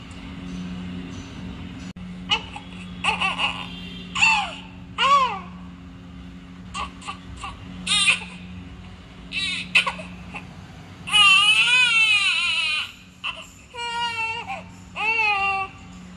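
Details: Baby crying: short whimpers building into a full, high-pitched wavering cry, steady low room hum; ordinary infant cry.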